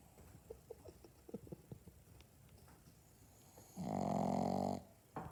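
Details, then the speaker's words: Owner's furry "baby boy", a dog, snoring in sleep: soft snuffling noises, then a single loud, buzzing snore lasting about a second. "That's how my son snores. Scary snore. That's how my baby snores."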